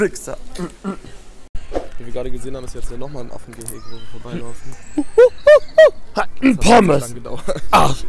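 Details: Adult speaker, German; ordinary speech.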